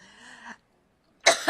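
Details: A woman coughing during a live speech at the Makers Conference, a coughing fit interrupting her talk.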